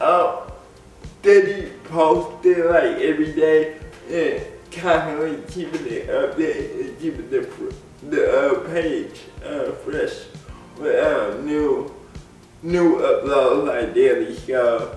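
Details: Dysarthric speech in an adult man with cerebral palsy; people have laughed at the way he talks since childhood. Cerebral palsy is named, but no speech disorder is formally named.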